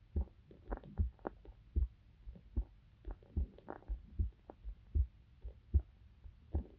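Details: Heart sounds of a female university student recorded for sleep-inducing ASMR: regular low double thumps at about 75 beats a minute, normal heart sounds.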